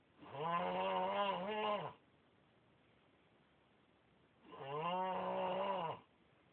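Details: Overweight child snoring: two long, buzzing, voiced snores with quiet pauses between them, in a very still room.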